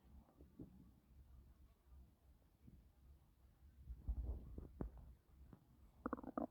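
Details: Woman five months pregnant, doing housework and described as nearly miscarrying, afterward says her stomach feels very uncomfortable; faint low rumbles with a few soft gurgles and squeaks: stomach growling (borborygmi).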